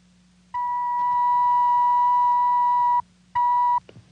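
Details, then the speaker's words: Simulated audiometric hearing test in a staged 1950s TV drama: steady pure sample tones, one long and one short, played through earphones to an adult male patient at an otologist's office, following a Weber tuning-fork test. "First, a set of earphones is adjusted to the patient's ears, and he is asked to listen carefully. A sample tone is given him like this."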